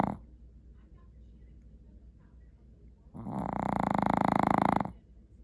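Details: Snoring during sleep: a long, loud, fluttering snore on the in-breath, rattling rapidly, after a quiet pause; heavy snoring.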